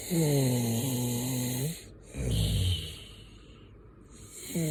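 Low, rattling, buzzing inhalation sounds from a sleeping person, separated by quieter breathing: typical snoring.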